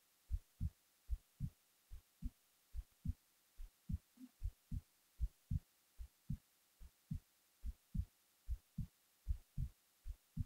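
Steady, deep low thumps of a resting heartbeat at about 76 beats a minute, drifting slightly in rhythm.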